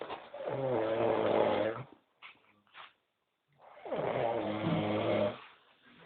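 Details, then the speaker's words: Sleeping man snoring, jokingly narrated as a mating call: two long, rattling inspiratory snores with a quiet pause between them; ordinary loud snoring. "es escúchenlo Ese es su sonido de aparamiento Llama a su hembra es el macho"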